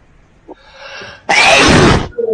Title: Student sneezes while on online class